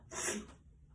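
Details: Acted, simulated sneeze: a single short, hissing burst of air through the nose; a small sneeze.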